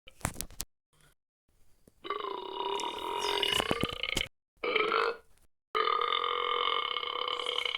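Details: Cartoon sound-effect burps: several long, drawn-out, tonal burps separated by short gaps, with brief clicks at the start.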